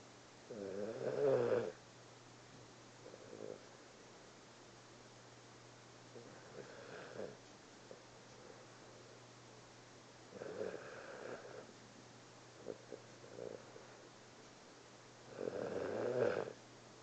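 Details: A cat napping after a long day, snoring quietly and regularly about every five seconds with faint softer breaths between: ordinary sleep snoring.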